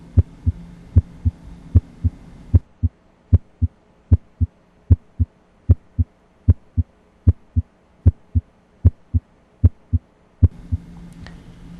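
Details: Patient with increased AP chest diameter (emphysema-like); regular lub-dub at about 76 a minute, S1 loudest, faint hum at start and end; normal heart sounds at the apex (point of maximal impulse).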